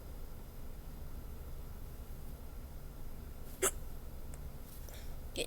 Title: I got the hiccups